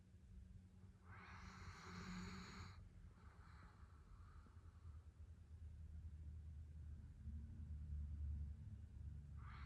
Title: Ridgeback Snoring